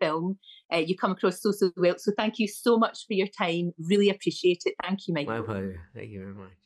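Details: Adult woman and adult man in conversation; ordinary conversational speech.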